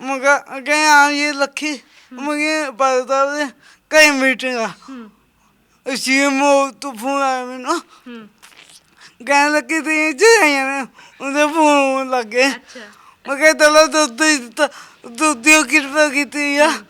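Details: Lifelong speech impairment with unclear articulation in a young Sikh man with a disabled hand; the problem has been present since birth, and he is described as having a stammering tongue.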